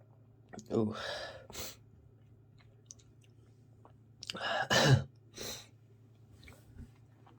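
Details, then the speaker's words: Two sneezes, each with a quick intake, forceful burst and trailing breath, during a sneezing fit from a congested cold; person says "I'm gonna sneeze again." "Oh, God. I'm gonna sneeze again. Here it comes. I'm gonna sneeze."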